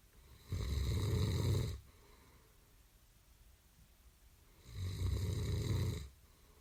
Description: 다소 심하게 코 고는 소리를 1분 29초간 녹음한 소리_I recorded a little loud snoring sound for 2 minutes and 29 minutes.